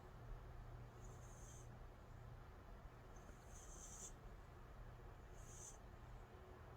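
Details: Soft, high, whistling snores about every two seconds over a low room hum from a calico cat in deep sleep; harmless snoring.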